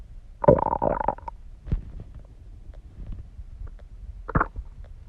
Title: Stomach growling sounds | My Stomach Makes Noises